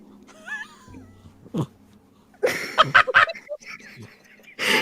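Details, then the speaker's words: Noisy snorting, pug-like breathing (stertor) from a small orange kitten; the sound is faint. "breathes like a pug and it's my favorite thing in the world"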